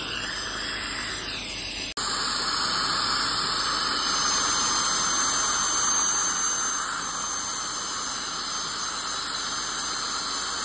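Steady high hissing and squealing of dental cleaning instruments, after a brief cut near the start.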